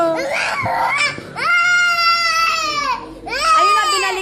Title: BABY CRYING FOR JOSHUA GARCIA OF PBB